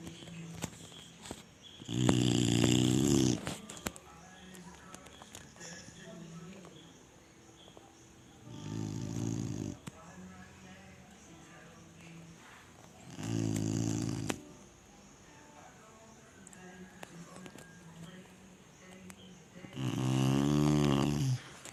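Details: Sleeping Chinese Shar-Pei dog snores in loud, buzzing bursts, about ten breaths a minute, with quiet pauses between.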